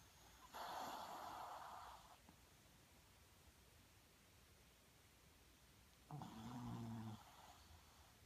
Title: Popcorn snoring